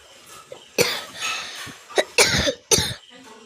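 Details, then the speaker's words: Adult with a bad real cough: three or four harsh, forceful coughs in quick succession, with quiet room noise between bursts. "നല്ല ചുമയാണ് ട്ടോ guys ചുമയാണ് ട്ടോ guys"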